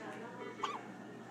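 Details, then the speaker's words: A single short, sharp hiccup from a baby who is falling asleep, against quiet room noise; hiccups. "you got hiccups like your daddy you falling asleep that's cute"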